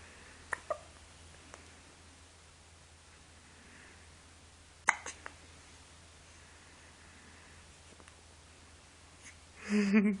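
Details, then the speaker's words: Several sharp, abrupt hiccups at irregular intervals in a quiet room, with a louder noise at the end; hiccups. "You got the hiccups. Yep, that's what you've got. It's the hiccups."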